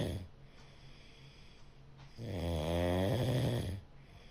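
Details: A cat snoring while asleep.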